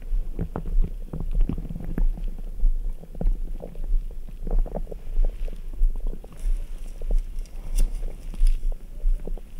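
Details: Adult stomach rumbling after drinking ice-cold Red Bull: frequent low gurgles and rumbles, active bowel sounds.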